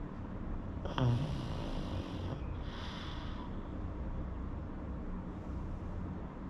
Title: Pug snoring